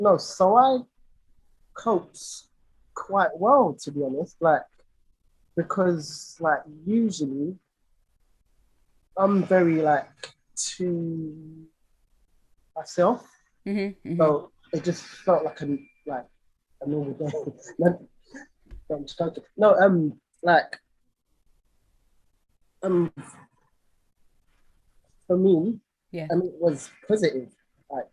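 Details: Stuttering (stammering) in an adult male singer with a lifelong stammer; his own conversational speech.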